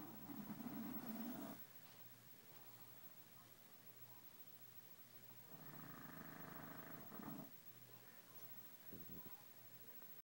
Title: baby hippo snores